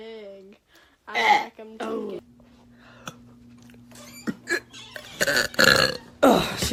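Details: Compilation of voluntary burping: a series of loud, drawn-out burps with brief talk between them.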